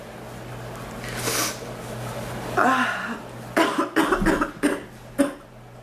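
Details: A throaty clearing, then a burst of about five harsh coughs in a small room; a painful cough, worse in the back than the chest, that comes and goes.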